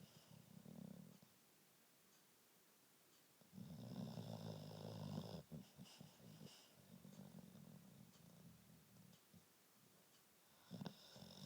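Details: Dog sleeping and snoring: low rumbling snores repeating every few seconds with quiet pauses between.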